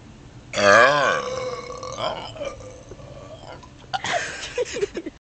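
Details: One long, loud, voiced belch after drinking half a can of diet soda, followed by brief voices and laughter.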